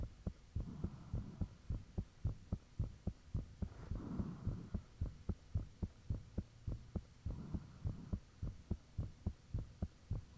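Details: Own heartbeat recorded with the fan off, shortly after it became unusually thumpy: strong, steady thumps with faint whooshing of blood between beats and a steady background hum; heart sounds.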